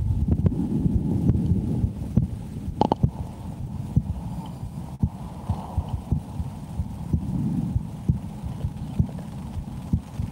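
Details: Two women on a weekend getaway listen to each other's heartbeats through a stethoscope: regular low thumps at about 70 beats a minute with faint rubbing noise, a normal resting heartbeat.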